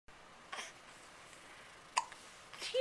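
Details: Three brief, sharp, irregularly spaced hiccup catches in a quiet room, recorded in 2009 on a Flip Video camcorder; hiccups.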